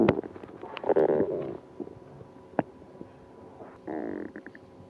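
Gurgling, squeaky rumbles come in bursts with quiet gaps between them, typical of active bowel sounds.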